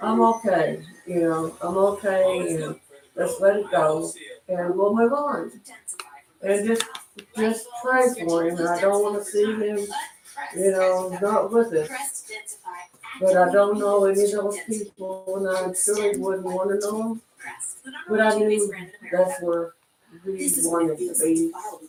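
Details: Adult man with self-reported cerebral palsy who lives with his mother and a caretaker; dysarthric speech in cerebral palsy.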